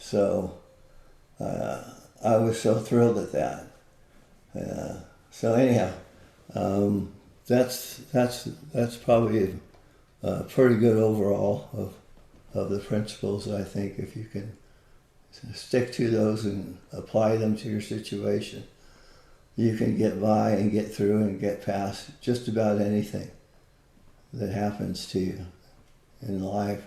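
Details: Adult man with Parkinson's disease, a neurodegenerative disease, for more than 20 years, with visible shakes; Parkinsonian speech (hypokinetic dysarthria).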